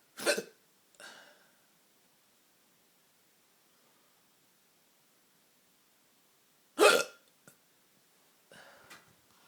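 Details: Hiccups in someone who often gets them at night: abrupt, short gulping sounds spaced seconds apart with silence between.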